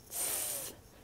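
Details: Speech therapist's acted demonstration of a student's incorrect /s/ with the tongue coming forward: frontal lisp.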